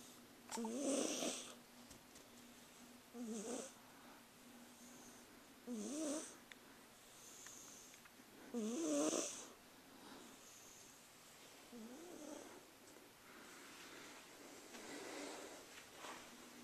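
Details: A sleeping cat snores in soft, rattly bursts at about eight breaths a minute, with quieter breaths between. Snoring.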